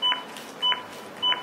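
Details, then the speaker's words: An AED Plus gives a CPR metronome beep during a rescuer demonstration: short high beeps about twice a second pace chest compressions at 100–120 per minute, at a depth of 5–6 cm. "chúng ta nghe tiếng beep, tức là tần số ép để đảm bảo 100 đến 120 nhịp một phút."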